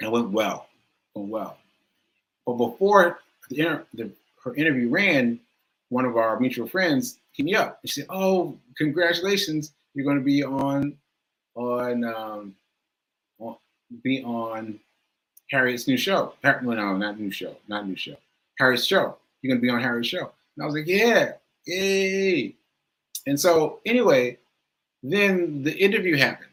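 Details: Adult male stroke survivor with aphasia speaking live, with trouble finding words and getting the right cadence; aphasia.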